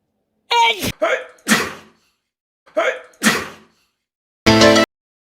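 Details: Edited clip tagged as a baby or child sneezing: several loud, dramatic sneezes with a musical sting between them, likely exaggerated or staged.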